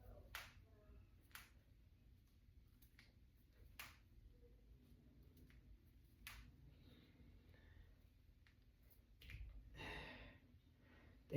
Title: Cracking my fingers and knuckles. #cracking #crackingasmr #jointcracking #knucklecracking